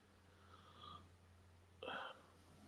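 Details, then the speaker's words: A sleeping dog snores in the background: a faint whistling breath, then a louder brief nasal snort over steady room hum. "You can probably hear one of the dogs snoring here."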